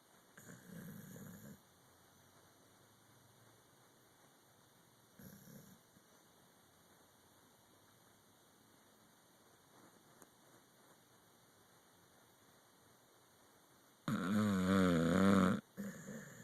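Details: Pit bull sleeping and dreaming, snoring: a few soft snoring breaths, then one loud, longer snorting snore near the end.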